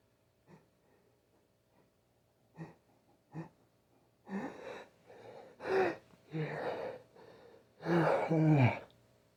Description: I had a tickle in my nose that just wouldn't leave, so I used a tissue to coax out a few big sneezes.